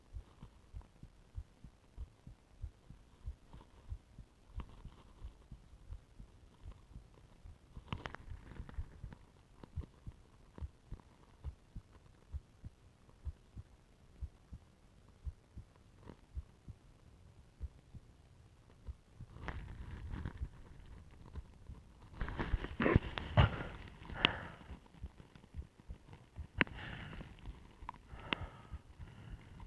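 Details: Own heartbeat heard through a stethoscope (with ECG) during complete breath-holding aided by a plastic bag and pillow, multiple attempts: fast regular beats, tachycardia at first, then slowing to below 50 beats per minute, later masked by rustling and handling noise.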